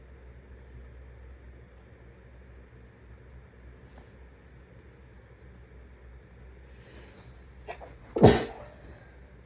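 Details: Steady low room hum, then a single short, muffled burst near the end, a covered sneeze; ordinary sneeze.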